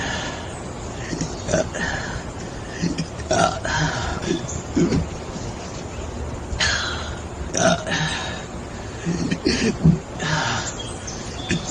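Several deep, throaty belches with some voice sounds in between, over background noise.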